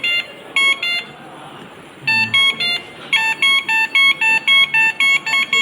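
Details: Repeated short bursts of high-pitched electronic beeps: a ventilator alarm during basic ventilation training, after ventilation is started with tidal volume set to 450 and FiO2 being lowered to 75%, with the machine in testing.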